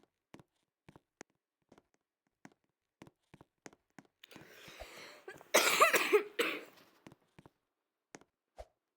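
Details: Several harsh coughs in a quick cluster from a person who was sick, recorded in a quiet room during gameplay, with faint clicking before and after; cough during illness.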